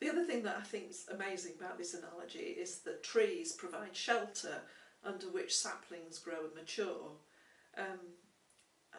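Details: Adult woman speaking; typical speech.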